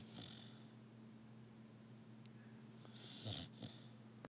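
Soft, rough breathing sounds with a louder snuffling snore near the end, over a steady hum; light snoring.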